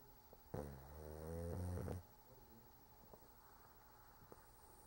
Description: Cork snoring, good thing I don't have "smellOvision" because snoring was not all he was doing.